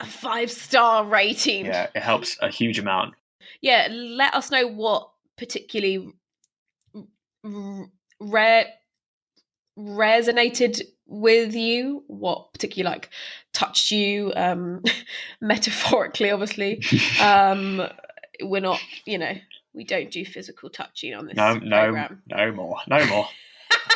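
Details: Stammering in a woman who stammers, speaking unscripted as a podcast host for a stammering association.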